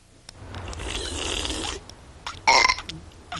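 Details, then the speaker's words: Cartoon burping contest between kids: a long, drawn-out burp followed by a shorter, sharper burp. "what are you kids doing now we're having a contest mom watch knock it off I do not allow burping in this house"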